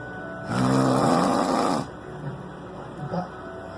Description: Falling to sleep after getting drunk